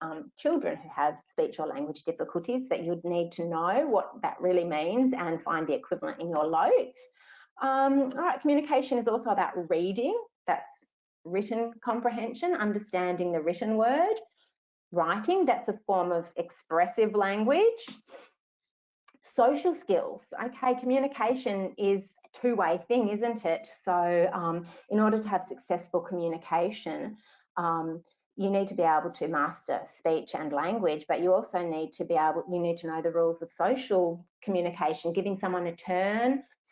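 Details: Adult woman speaking; ordinary speech.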